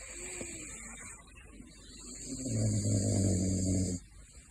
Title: Gosha is Snoring in His Sleep : Big Floppa #caracal